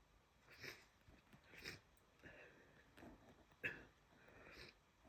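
Repeated wet, congested sniffs with one sharper sneeze-like burst; sounds of nasal congestion from a cold.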